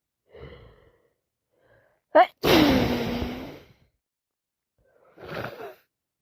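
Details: A sharp in-breath, then one loud, wet sneeze trailing into a long voiced outburst, with quieter breathing around it, on day 4 of a cold.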